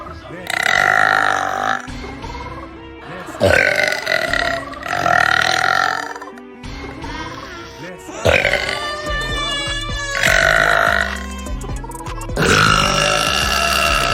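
Several long, loud, voiced burps in a row, with music in the background.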